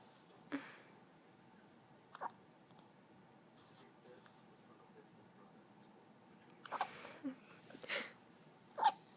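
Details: Newborn baby girl less than one day old (7 lb 11 oz, 21 in) in a quiet room, with several short, abrupt catching sounds at irregular intervals, about six in nine seconds; infant hiccups.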